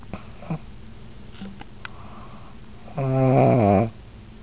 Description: Just a short, sweet little clip of my pug snoring while she's awake.